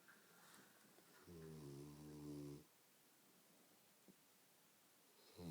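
One deep, rumbling, vibrating snore lasting just over a second, then quiet room noise; snoring from a large dog.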